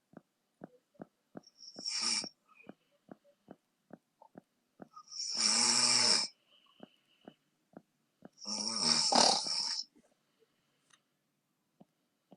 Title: Hey me, ma snoring